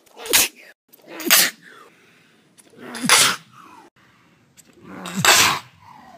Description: Sneezing remix